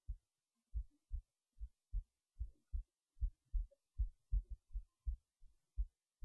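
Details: Normal heartbeat recorded late at night while resting in bed before sleep: clear low steady thumping at roughly 75 to 80 beats a minute.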